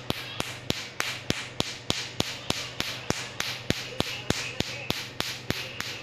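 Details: Tattoo removal laser firing repeated pulses: sharp, evenly spaced snapping clicks at about 200 per minute.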